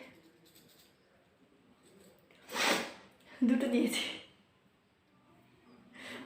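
A quiet room, then a sharp hissing burst and a louder voiced burst, a sneeze, followed by faint breathing.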